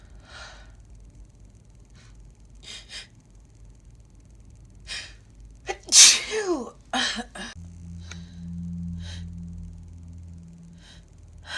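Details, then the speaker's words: A sharp intake of breath, then a loud explosive sneeze and a couple of smaller ones, with a tickle before; ordinary repeated sneezing. "Tickles so bad. See. Achoo. Achoo. Achoo. Achoo. Achoo. Gonna see. Achoo. Achoo. Achoo."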